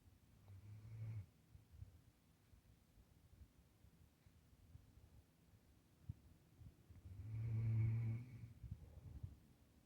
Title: My puppy snoring hard in his bed.